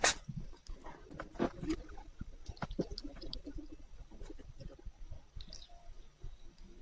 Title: Ежик чихает 1 минуту. Hedgehog sneezes.